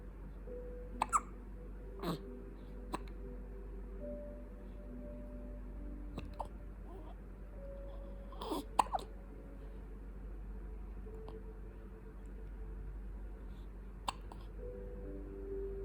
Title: 2 weeks old Baby Hiccup